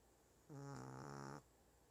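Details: 1-year-old Shih Tzu snoring loudly: one short, buzzing, low snore lasting about a second, against a faint background hiss.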